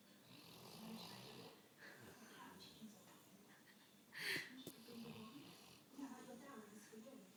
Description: My Dog Bruno Snoring, This was just a spare of the catch on video moment and yes i did wake him up sorry Bruno.